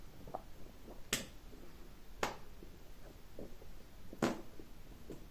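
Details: Quiet abdominal gurgles with three sharp clicks or pops during colon therapy, typical of normal bowel sounds.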